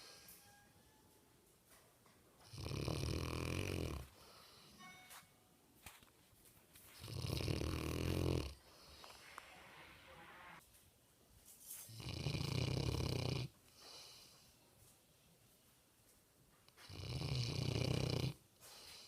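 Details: Sleeping Mastiff dog snoring: loud, deep rattling snores on each breath in, about every 4–5 seconds, with quiet breaths out between.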